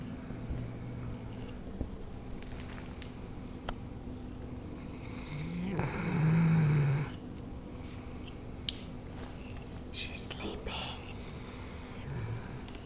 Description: Kira, a 6 year old Newfoundland dog, is so laid back she's taking a snooze while being groomed, snoring and all!